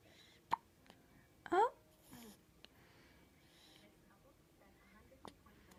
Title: Newborn hiccups